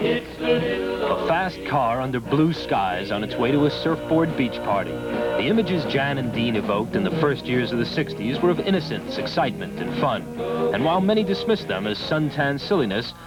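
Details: Adult male narrator; normal speech.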